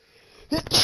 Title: Power Sneeze